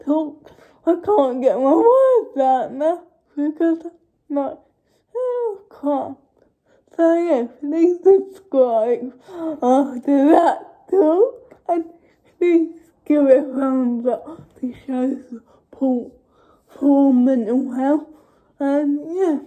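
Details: Adult woman with cerebral palsy speaking spontaneously (real, not acted); dysarthria (cerebral palsy)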